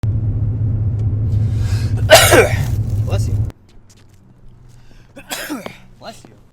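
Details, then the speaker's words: Staged comedy sketch of a man sneezing uncontrollably, with a friend complaining: a loud, sudden sneeze over engine rumble, followed by quieter sneeze-like bursts. Simulated sneezing. "you've been sneezing all freaking why won't you stop he you just won't freaking stop sneezing"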